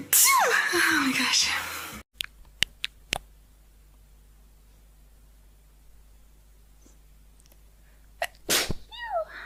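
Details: Sneezing in a young woman, hashtags mention allergies and sinuses: one loud, explosive voiced sneeze, then quiet clicks and brief voice sounds.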